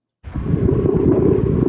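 Low, bubbly popping and crackling over a breath sound, typical of coarse crackles from fluid in the airways.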